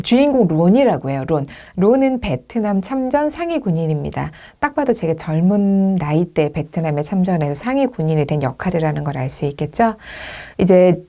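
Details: Adult woman lecturing in Korean; Normal speech.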